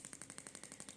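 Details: Shockmaster 300 Gymna radial shockwave firing at 1.6 bar, 12 Hz, 20 mm head, with gel, on grade 2 cellulite at the back of the thigh in a radiator pattern: rapid, even clicking pulses, about twelve a second.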